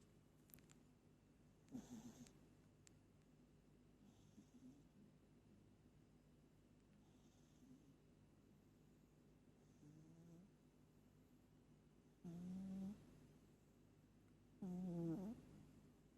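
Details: A pet cat sleeping, with soft, quiet breathing and occasional short snorting snores in a quiet room; the owner says she snores hard every time she sleeps.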